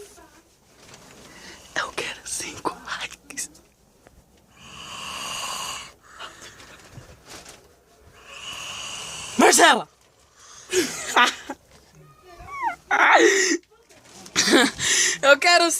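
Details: Two long, rough, snorting snores from a sister snoring loudly, described as snoring like a pig, through background chatter and laughter; snoring.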